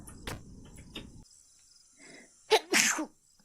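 Quiet noise, then a sharp catching inhale followed by one loud explosive sneeze.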